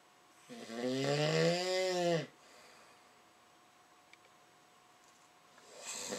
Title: Bloomers snoring